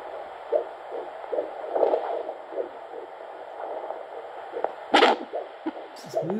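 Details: Fetal heartbeat heard by Doppler at 15 weeks 2 days of pregnancy: faint rhythmic whooshing pulses over a steady hiss.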